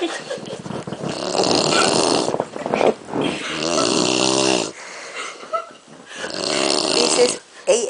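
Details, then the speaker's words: Adult father sleeping with heavy snoring: loud, harsh, rattling snores with an uneven, buzzing quality. "so this is how papa sleeps i mean papa snores like this"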